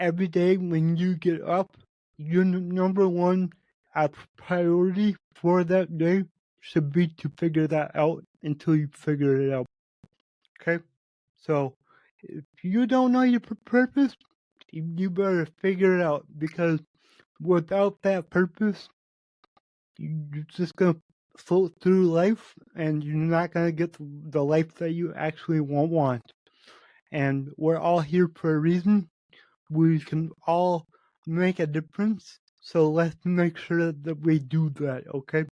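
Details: Adult male podcast host with cerebral palsy, which he says affects every muscle in his body; he says his speech is much better than 8 months ago and improving with better health. Mild dysarthria (cerebral palsy).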